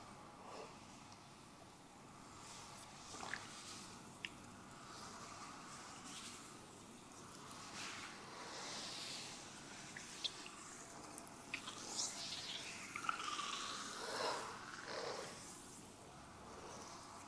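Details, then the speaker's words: Soft gurgling and squelching from the belly during a Thai traditional abdominal bloating massage, with one clearer rumbling gurgle: stomach growling. "You should feel hungry soon [ My stomach growling ] Take a deep breath OK [ Stomach grooooooooooowling ] Your stomach is very loud"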